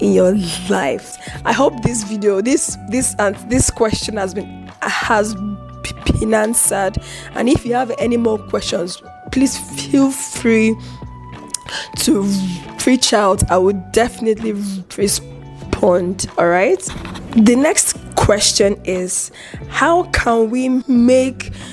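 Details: Adult woman with a chronic stutter that involves eye twitching and unusual mouth movements when she stutters; she controls it by gesticulating and taking deep breaths; stuttering.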